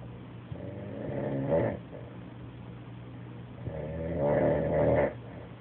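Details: Adult man passed out asleep on a couch: two deep, buzzing, rattling snores about three seconds apart, over steady low room hum; loud snoring.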